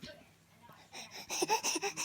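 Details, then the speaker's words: Young girl eating sweet potatoes gives a quick run of small, deliberate cough-like huffs after a quiet pause; voluntary fake coughing. "coughing what is that m want some more sweet potatoes what are you doing what you doing are you fake coughing"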